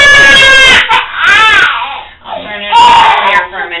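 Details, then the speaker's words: Infant at his first cochlear implant activation cries in loud, rising and falling distress wails with brief pauses after the implant level is turned up by about two units, from a level he tolerated to one that made him cry. "it's a difference between where he was okay listening to it versus that making him cry was when I turned it up by like two"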